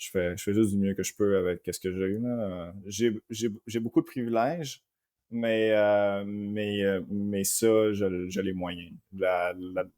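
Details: Adult man with stuttering, fearful of it for at least 27 years, helped by psychologists and a speech therapist, plans sentences in his head while speaking; stuttering.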